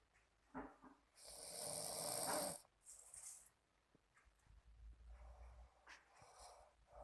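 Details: Younger sibling of unstated sex recorded while asleep: a loud, harsh snore on breathing in, then a softer snort and quieter breaths; snoring.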